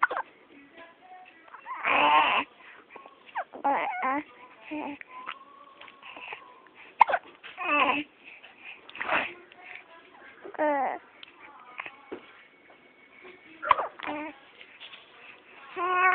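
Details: Baby making repeated short, fussy cries and whimpers with pauses between them, an ordinary unsettled infant cry.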